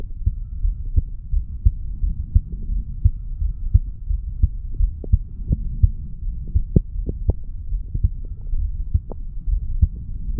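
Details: Heartbeat of a 35-year-old male recorded at the mitral/bicuspid valve area after doing weights: steady low lub-dub at about 86 beats a minute over a soft hum.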